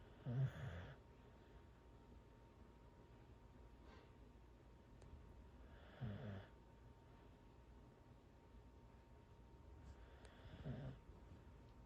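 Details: Snoring from a Corgi asleep on the owner's legs.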